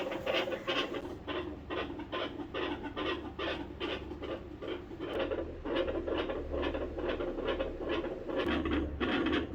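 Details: Pet dog patient of a veterinarian, heart auscultation: rapid, fairly regular heartbeats at about 140 a minute, with a scratchy, rasping quality and a steady low hum behind.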